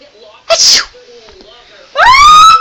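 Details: Attempted sneeze: a sharp sneeze-like burst, then, after a quiet pause, a rising, voiced, wailing sound.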